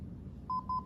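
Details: Two short steady beeps from a hospital defibrillator in demo on standard settings during rhythm analysis, "analyzing now, stand clear," followed by shock advised.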